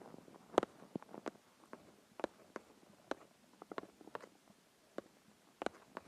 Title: Hungry stomach growls and noises (part 2)